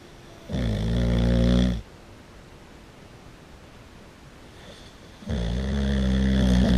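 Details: Boxer dog asleep with its eyes open, snoring very loudly: two long, loud, low rattling snores separated by a quiet pause of about three and a half seconds.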